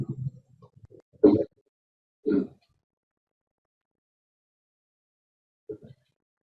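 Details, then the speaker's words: Example of nocturnal stridor in multiple system atrophy: harsh, high-pitched, strained breaths during sleep with long pauses, from vocal cords unable to relax. "so it's a very high pitched harsh breathing sound and it's due to inability of the vocal cords to relax um during sleep and I'll play an example sound here"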